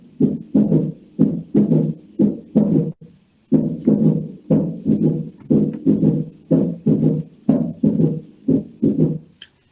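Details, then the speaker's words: S3 gallop ("Kentucky" gallop, rapid ventricular filling): regular heart sounds near 60 a minute with an extra low thud after the second sound. "Entonces, el S3, que se conoce como llenado rápido ventricular, lo conocen también como galope de Kentucky, se ausculta de la siguiente forma."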